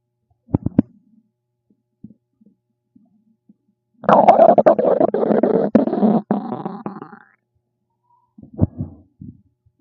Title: RUMBLING STOMACH NOISES #stomachnoises #stomachsounds #stomachrumbling #stomach #guts